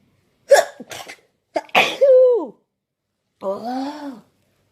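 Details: Morning sneezes, some of which the person tried to induce before they came naturally: two or three abrupt sneezes, each with a sharp intake and burst, then a short voiced sigh.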